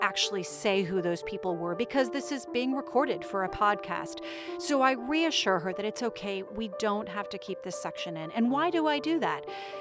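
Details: Adult speaker; Normal speech.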